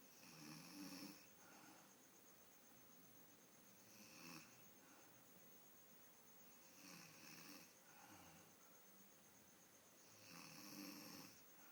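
Slow, loud rasping snores on each breath, roughly every three seconds, with a faint steady hum in the room; ordinary snoring.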